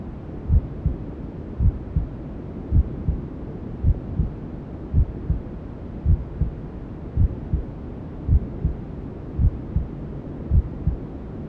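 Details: Newborn sleep-aid ASMR: steady, muffled double heartbeats, about 54 a minute, beneath constant rushing hiss, a mother's heartbeat mixed with white noise and womb sounds; heartbeat with white noise.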